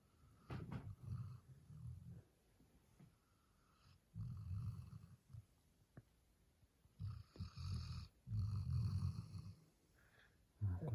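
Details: 8-month-old male black Labrador Retriever puppy asleep, snoring loudly: low, fluttering snores in bursts about every three seconds, separated by quiet pauses; snoring.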